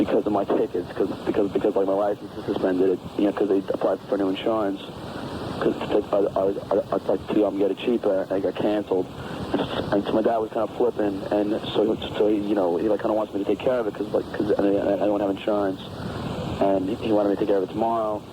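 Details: Adult man with a known stutter leaving an answering-machine message; real; the hosts call it possibly his worst stuttering episode ever, with repetitions and disorganized, hard-to-follow delivery; stuttering.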